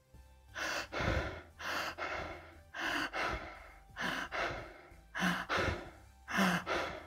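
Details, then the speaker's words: A 13-year-old with type 1 diabetes and untreated pneumonia develops fast, deep, regular breaths at about 50 a minute: Kussmaul breathing from diabetic ketoacidosis, triggered by the respiratory infection. "this is descriptive of diabetic ketoacidosis as patients with type 1 diabetes are prone to developing this condition upon stress in this case the stress was respiratory infection"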